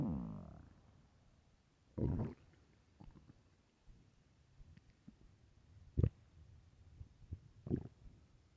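Loud low gurgles and rumbles from an empty stomach, ordinary hunger growling.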